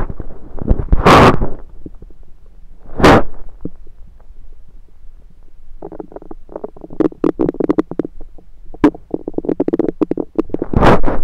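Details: Abdomen recorded with a USB stethoscope: gurgling, bubbling runs and loud rumbling bursts; ordinary active bowel sounds (borborygmi) of a rumbling stomach.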